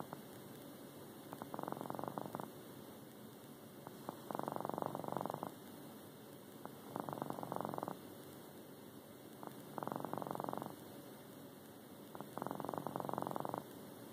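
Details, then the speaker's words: Pet cat sound asleep, snoring for the first time owner has heard; soft, fluttering snores at a steady breathing rhythm, about 21 a minute. "That's how he's snoring. Never heard him snore before."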